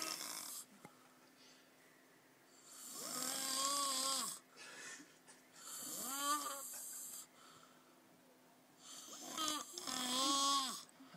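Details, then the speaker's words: A man snoring heavily: three loud, harsh, squealing snores with shrill whistling tones, separated by quiet pauses, likened to a dying giraffe or pterodactyl. "How do you make that? Dude, does kind of sound like a dying giraffe. Right?"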